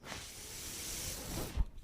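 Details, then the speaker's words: Steady airy hiss for about one and a half seconds ending with a soft thump: the speaker's own mechanical ventilator delivering a breath while he talks. "hello everyone my name is that noise you're hearing is my ventilator and welcome to page turners"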